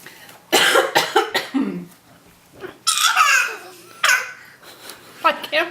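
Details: A child makes a few brief, deliberate coughs on request, mixed with laughter and chatter in a small room: voluntary cough.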